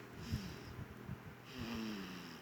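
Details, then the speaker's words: Baby snoring while sleeping soundly, described as surprisingly loud for a small child; the father's snoring can also be heard. "itu suara ngorok dedek. Masih kecil ngoroknya udah gede."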